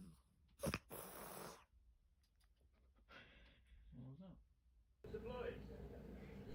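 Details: Cat sneezing: a sharp snort followed by a short hissing burst of air, then a brief meow-like sound over room noise; sneeze.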